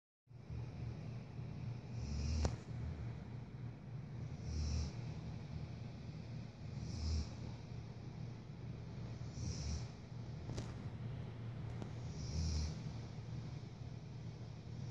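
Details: Sleeping dog: low rumbling breaths with a soft hiss, repeating about every 2.5 seconds, around 24 a minute; loud dog snoring.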